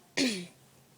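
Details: Person just woken up: single short, rough throat-clearing sound that fades quickly; throat clearing.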